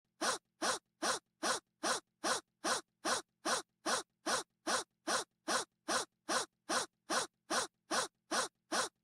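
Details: Rapid, very regular short gasping breaths with sharp falling catches, about 150 a minute, separated by silence; gasping breathing.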